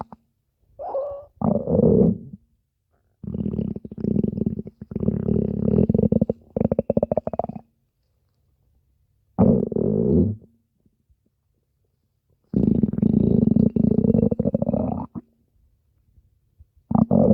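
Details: Stomach growling lasting over five minutes: long, low gurgling and rumbling bursts separated by silent gaps, from gas and fluid moving through the gut.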